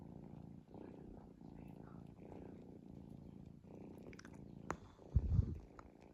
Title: 5min cat snoring straight